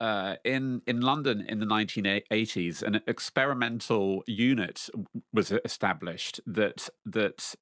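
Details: Lifelong stuttering in an adult man, speaking in public while facing his fear; stuttering.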